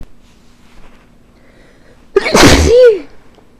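After a quiet pause, a loud explosive sneeze with a sharp burst and a high voiced tail; a single forceful sneeze.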